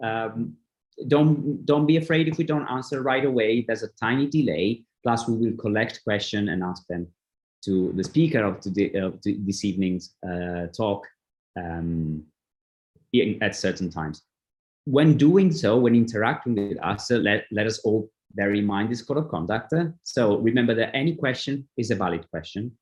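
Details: Adult male speaker; typical speech.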